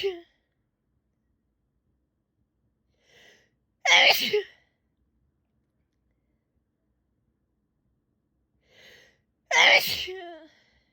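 Two loud, explosive sneezes, each after a short in-breath, separated by silence.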